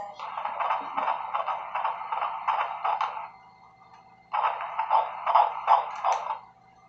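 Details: Fetal heartbeat on ultrasound, no cord around the neck: fast, rhythmic whooshing pulses about 160 a minute, strong and regular, with a short pause midway.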